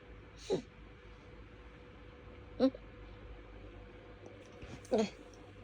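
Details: Person woken in the early hours by an intense, rapid, hitchy sneezing fit, with a sore nose and difficulty breathing: three sharp sneezes in quick succession over a low room hum.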